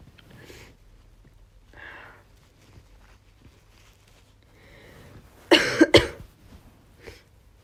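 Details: Female university student with a cold (sniffly, losing her voice, with a cough): soft breathy intakes, then two sharp, explosive sneezes in quick succession and a quieter exhale.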